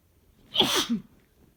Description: More allergy sneezes from my boyfriend